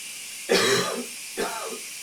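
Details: Two loose, throaty coughs over steady running water in a steamy shower, suggesting mucus being brought up: a productive cough.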